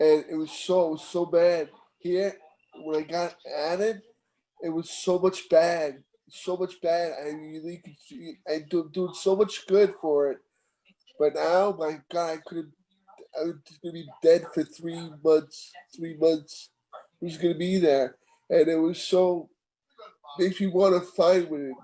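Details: Man about 15 years after a stroke, with ongoing post-stroke aphasia and inability to write; aphasia.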